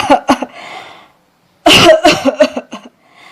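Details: Acted cough by an elementary schoolboy in a classroom skit on cough etiquette: a few loud open-mouth cough bursts in two groups with a short pause between them.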